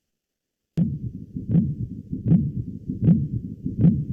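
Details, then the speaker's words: Heart auscultation teaching recording: regular dull thumps at about 78 a minute over a low rumble, with S2 louder and the heart sounds barely distinguishable; pericardial knock from a thickened pericardium. "si rebotara con una pared el corazón no es como si una pelota la pusieran a rebotar contra la superficie así se escucha ni siquiera se distinguen como tal los ruidos cardíacos"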